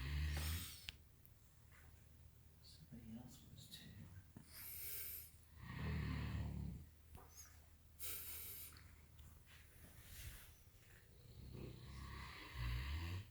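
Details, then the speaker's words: Several sleeping dogs snoring, one identified as Tank: low, rough snoring breaths about 10 per minute with occasional snorts. "There's all these dogs snoring. Who is? Tank."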